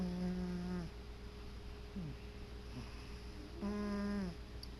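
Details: Male cat sleeping on his chair: low, steady humming snores, two long breath-linked tones with a quieter stretch between; ordinary snoring.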